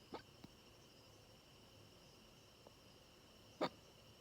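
Two brief, abrupt gulping catches about three seconds apart over steady background hiss; hiccups.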